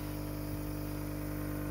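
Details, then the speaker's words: Steady low hum of a nebulizer compressor running a daily saline nebulizer treatment for a cockatoo with breathing problems and frequent sneezing; one vet suspected cancer, a second suspected sinus blockage. "so i have the nebulizer going and she's getting a nebulizer treatment so this is what she has to have daily now"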